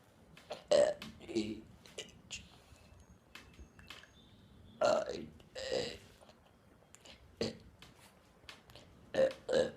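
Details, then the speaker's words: Person's several loud, drawn-out throaty burps separated by quieter pauses; repeated deliberate belching recorded on a phone. "um I'm going to be doing a uh burping one"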